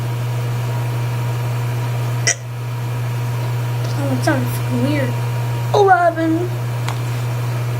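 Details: Hiccups in a series: sharp, abrupt hiccup sounds with brief voiced noises between them, over a steady low hum.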